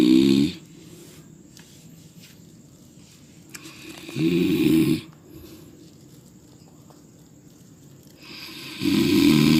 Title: Suara Orang Ngorok Lucu (part 2)